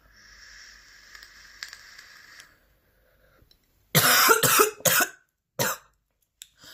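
Faint hiss, then four harsh, forceful coughs in quick succession; a coughing bout.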